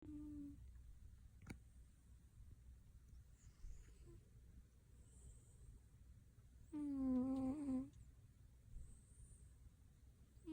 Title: Cat Snoring Super Cute